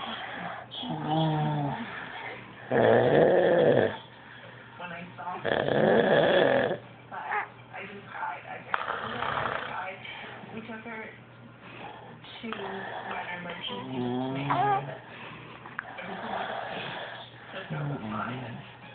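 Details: Loud, harsh snoring during sleep standing out over quieter voiced sounds; heavy snoring.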